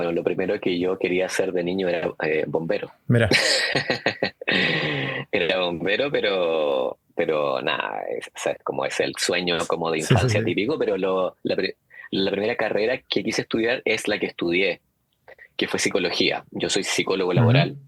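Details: Adult man who stutters; stuttering.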